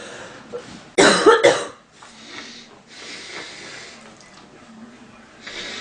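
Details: A short burst of three harsh coughs from a female, then quiet breathy sounds; sound-effect recording; cough.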